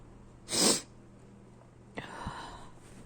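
A single sharp sneeze, then a sniff and quiet breathing against faint room hum.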